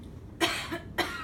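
Two short, sharp voluntary coughs, dry-sounding, produced on request to check cough effectiveness after airway clearance.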